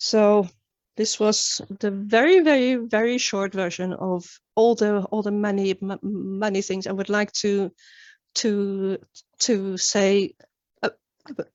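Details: Real stuttering in an adult woman who began stuttering at age nine, with many word and phrase repetitions; finding: stuttering.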